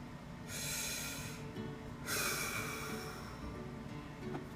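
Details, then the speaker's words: Bronchial breath sounds heard over the lung periphery in pneumonia with lobar consolidation: loud, harsh, hollow breaths with exhalation audible all the way out, resembling sounds normally heard over the trachea and main-stem bronchi. "this is an abnormal breath sound because you can hear exhalation all the way out."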